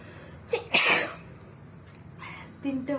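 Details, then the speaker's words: Sneeze during a sneezing challenge, tissue paper at hand: a quick in-breath, then one forceful, explosive sneeze with a brief trailing voice sound. "আজকে ভিডিওটা নোটস নিয়ে ভিডিও বানাবো, হ্যাচিও। তো চলো দেখো আজকে আমি কতগুলো হ্যাচিও করতে পারি।"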